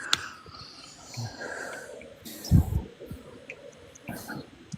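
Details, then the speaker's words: Bulldog snoring loudly while asleep: a low, rumbling, snort-like snore with faint room noise, picked up during a live-streamed conversation. "Is someone snoring? Well, >> that's a dog. It's a bulldog snore."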